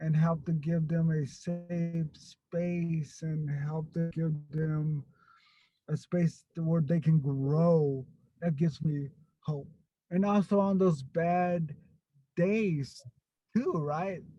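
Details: Stuttering in an adult man who grew up with a severe overt stutter, was later helped by a stuttering program, and still gets stuck on a word here and there.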